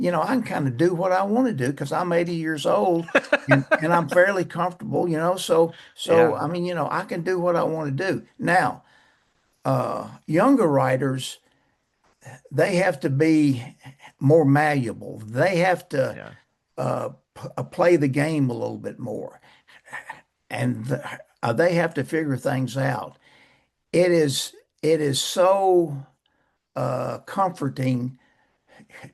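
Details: Persistent stuttering in an adult male author who says he still stutters, mainly blocks and bad airflow with some repetitions and prolongations.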